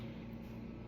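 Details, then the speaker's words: Home oxygen concentrator running continuously for a person on 24/7 oxygen recovering from critical illness: steady, loud, low droning hum with no breaks in the background of speech. "oh and again i apologize for the really loud sound in the background i'm sure you can hear it that is my oxygen machine so it's pretty loud"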